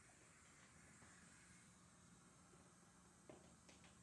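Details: Oxygen administration demonstration in EMS training: steady soft hiss of oxygen flowing from a cylinder regulator, with a couple of faint clicks near the end.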